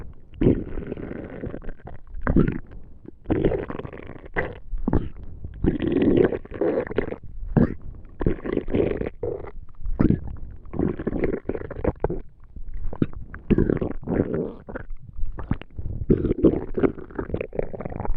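Frequent gurgling, rumbling stomach noises come in irregular bursts, typical of normal digestion.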